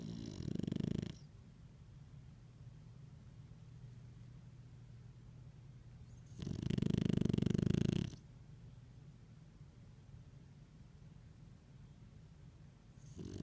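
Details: French Bulldog snoring on owner's lap: loud, rattling snores on the in-breath, about one every six to seven seconds, with a soft low hum between.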